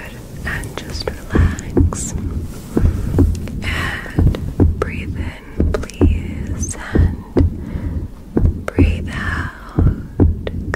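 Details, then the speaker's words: Simulated stethoscope auscultation in an ASMR medical roleplay (cranial nerve exam) with the stethoscope placed near the shoulder: soft, steady low heartbeat thumps under whispering, normal heart sounds. "I'm just going to get your heartbeat now."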